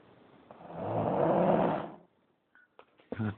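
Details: One long, rough, rising-and-falling snoring breath from a sleeper, then brief quiet and small room noises; snoring.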